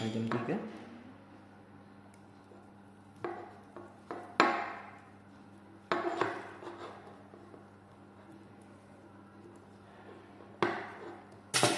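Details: Circumcision of an adult male patient to prevent phimosis: sharp metallic clicks and clinks of a surgical clamp being handled and closed on the foreskin at the 3 o'clock position, over quiet room hum.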